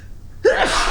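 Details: Single sneeze after clearing snow outdoors in winter, with a runny nose: a quiet pause, then a sudden sharp burst of air with a brief voiced catch.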